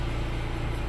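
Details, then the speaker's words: Radial shockwave therapy: loud, steady, rapid low thumping from a pneumatic shockwave gun applied to the glutes and edge of the sacroiliac joint in a patient with SI joint and low back pain during chiropractic treatment. "after that we're going to go into a thing called shockwave it's a pneumatic gun there's a bullet in the tube that hits back and forth"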